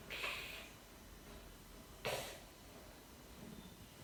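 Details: Sleeping baby snoring: two short, snorty, hissing breaths about two seconds apart, consistent with light snoring.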